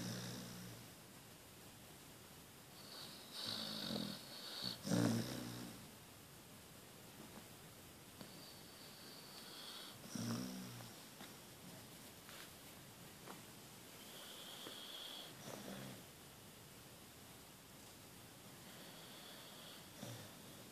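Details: Bonnie, a sleeping dog, snoring: rough, rumbling snores recurring every few seconds with snorting breaths in between, in a quiet room.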